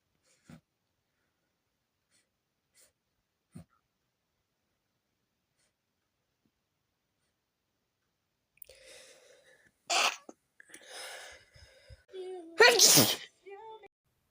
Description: Some of the sneezes were to strong to stifle